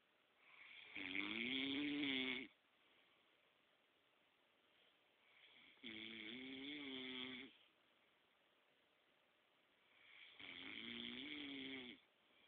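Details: Adult man (boyfriend) asleep: three loud, rattling snores on inhaling, about 12 a minute, with quiet between them; ordinary snoring.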